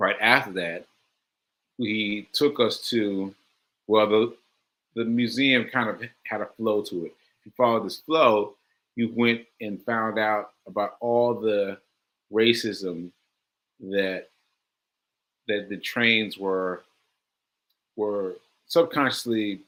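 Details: Aphasia in a male host, about six months into recovery since July; he reports language difficulty when trying to communicate.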